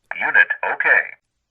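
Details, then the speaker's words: Brief synthetic voice prompt from a Zoll AED Plus defibrillator announcing it passed the manual self-test, which is started by holding the on/off button for about five seconds and takes about 15 seconds. "indicates your AED plus passed the self-test initiate this test whenever you wish by merely holding down the on-off button for about 5 seconds"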